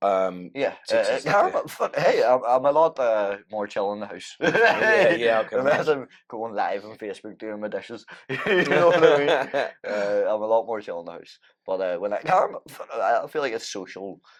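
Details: Man with Tourette syndrome whose tics flare up during everyday tasks and who says MMA training has helped them; an apparent swearing vocal tic interrupts his speech; vocal tics (Tourette syndrome).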